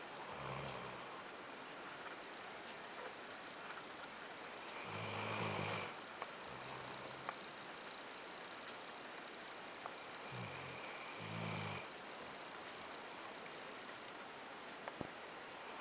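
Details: Dog asleep sprawled across owner's bed in the morning: soft, low snores with short rumbly breaths in and out against steady background hiss; light snoring during sleep.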